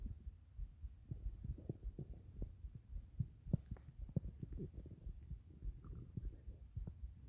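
Low, irregular gurgling and rumbling with scattered soft pops; ordinary stomach growling from gas and fluid moving through the gut.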